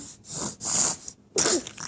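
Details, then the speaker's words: Baby sneezing: small, high-pitched bursts of breath with a short, sharp sneeze near the end; an ordinary infant sneeze. "whoa that was a sneeze"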